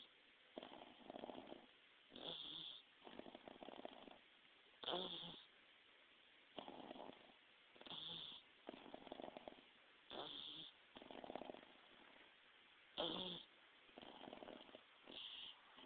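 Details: Pet pug snoring: repeated soft, rough snoring breaths, about 12 in 16 seconds, some ending in a brief whistle.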